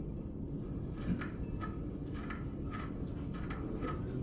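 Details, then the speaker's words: Temporomandibular joint crepitus in osteoarthritis: faint, repeated, long scratchy grating sounds as bone rubs on bone with decreased joint space. This is the stage following disc displacement without reduction. "long rating sound. So this because the bone is rubbing to each other. So again this again related to the decreased joint space."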